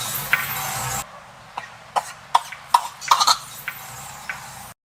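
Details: Old male monkey coughing loudly while asleep: several short, sharp cough bursts over a quiet background after a brief noisy start.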